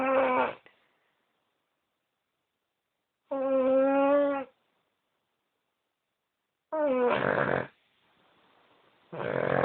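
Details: Dog, likely asleep; loud, rough, humming breath sounds in bursts of about a second, separated by silences, with irregular rhythm. Snoring.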